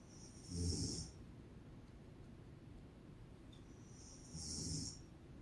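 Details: Sleeping mother snoring: two short snorting snores with a hissing edge, about four seconds apart; snoring.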